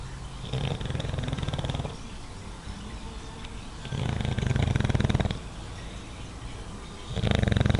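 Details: Sleeping in his favorite spot and snoring moderately: three low, rumbling snores over a second each with quieter breathing between; owner says deep-sleep snoring is about three times louder.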